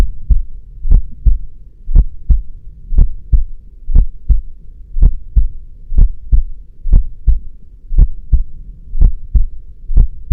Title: The Most Realistic Heartbeat Sound You’ll Ever Hear 💓 |HEADPHONES ON 🎧